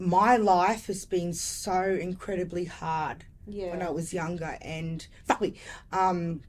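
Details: Adult woman with lifelong severe Tourette syndrome, a swearing vocal tic interrupting speech; vocal tic with coprolalia (Tourette syndrome).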